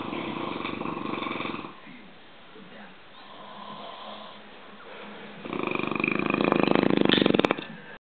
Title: 2 snoring italians